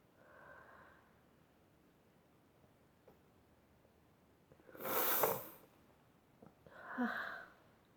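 Two sudden, explosive bursts of air about two seconds apart, with quiet breathing between. Repeated sneezing.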